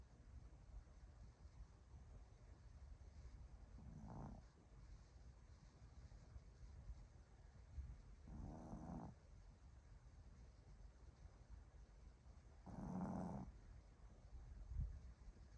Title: Snores In His Sleep